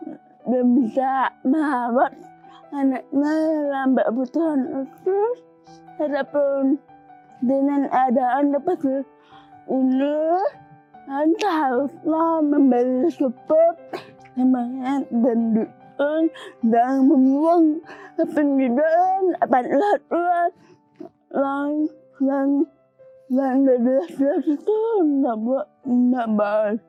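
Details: Young woman with cerebral palsy from birth; could not speak at first, improved after therapy; dysarthria in cerebral palsy.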